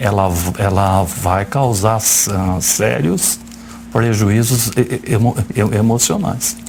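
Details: Adult man who describes himself as a stutterer, speaking Portuguese live on a TV interview show; real, unacted speech: stuttering.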